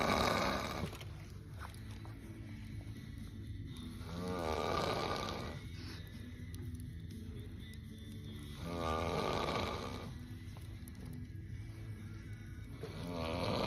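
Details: Man snoring: loud, rattling snores at about 4.5-second intervals, quieter breathing between them, with some background hum; ordinary heavy snoring.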